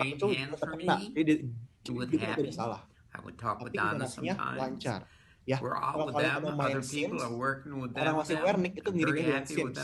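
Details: Patient example of Wernicke's aphasia with paraphasias and neologisms, unaware of errors; Wernicke's aphasia.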